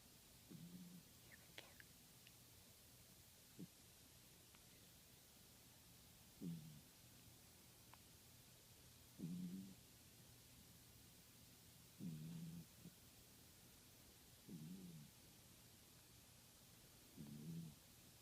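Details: Soft, low snoring sounds recurring at a steady pace of about 21 breaths a minute in a quiet room.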